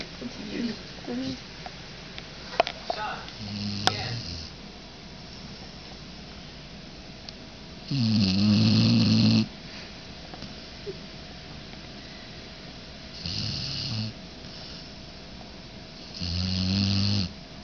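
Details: Dog napping after the dog park snoring: brief talk and rustling at the start, then three low, buzzing snores several seconds apart.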